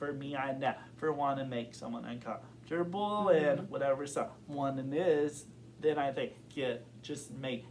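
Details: Adult man who has stuttered since kindergarten, reporting blocks and severity varying over time; stuttering.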